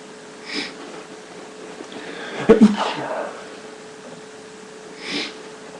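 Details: Person with a pollen allergy during a sneezing attack: one sharp sneeze burst with a quick double catch and breathy intakes before and after, in a quiet room.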